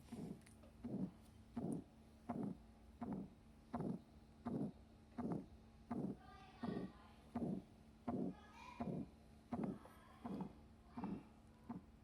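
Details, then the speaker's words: Regular heartbeats at about 83 a minute, each beat with a drawn-out whooshing sound, given as an example of a heart murmur. "Pagka naman may mga murmer ganito yung tunog."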